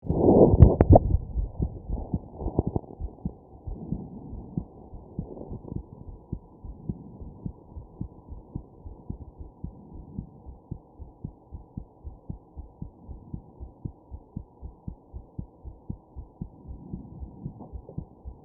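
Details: Fetal heartbeat on a doppler, fast and steady at roughly 140–160 per minute, with occasional stronger rhythmic thumps from fetal hiccups and some early handling noise; fetal heartbeat with hiccups.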